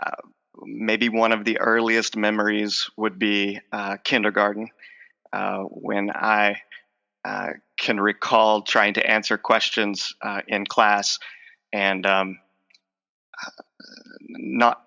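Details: Stuttering in an adult male with a lifelong stutter involving blocks, repetitions and covert stuttering, who says his stutter is emerging as he talks in conversation.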